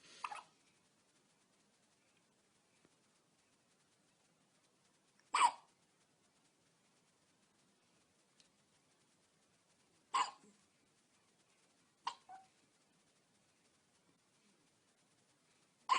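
Soft, brief catching sounds recurring every few seconds, about five in sixteen seconds, in a quiet room. Newborn hiccups.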